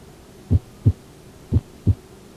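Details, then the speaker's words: Bedside nursing head-to-toe assessment of an adult woman before discharge to rehab, stethoscope on the chest: two crisp lub-dub pairs, regular rhythm at about 60 a minute, no extra sounds; normal heart sounds. "good your heart sound sound nice and regular"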